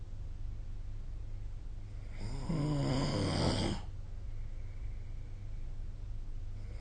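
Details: Snoring recorded with the SnoreLab phone app: a single rough, rattling snore on one breath, lasting about a second and a half, over steady room hum.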